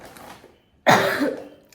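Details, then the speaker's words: A single loose, harsh cough after a pause, with faint room noise; a chesty cough. "എനിക്ക് നല്ല allergic ആയിട്ടുണ്ട് തീരെ നല്ല വയ്യ അപ്പ ഡോക്ടർ കാണാൻ പോകണം. എന്റെ മകനും നല്ല ചുമ."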